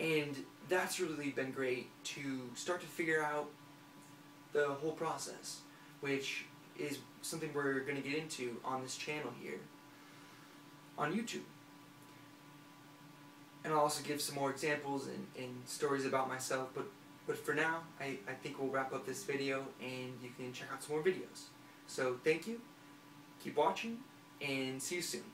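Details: Stuttering in a 23-year-old man who has stuttered for about 20 years. It is situational, he sings fluently, and he has worked on it for a year and a half but is still in progress.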